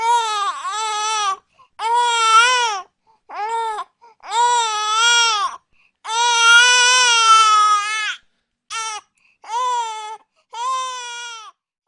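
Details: Baby crying sound effect, used for a drama, with background music.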